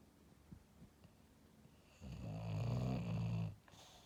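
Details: Quiet breathing, then a loud, low rattling snore lasting over a second from a sleeping, dreaming English Bulldog; snoring.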